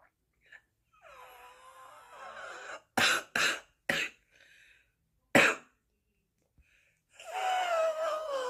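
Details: A breathy exhalation, then four harsh coughs and throat clearing, ending in a long noisy out-breath, from a woman smoking her first cigarette on waking and feeling obstructed; smoker's morning cough.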